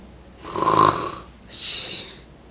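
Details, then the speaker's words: Snorkeling-type snoring: two hollow, whistling snore breaths with a tube-like quality, from partial upper airway obstruction; one of three snoring sound types demonstrated. "Kemudian yang ketiga adalah suara mendengkur snorkeling noises."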